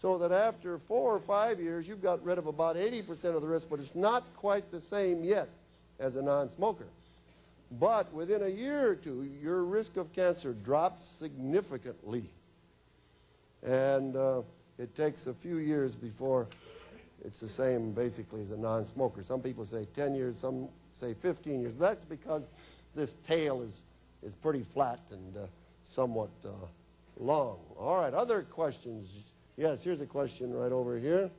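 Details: Adult male speaker; normal speech.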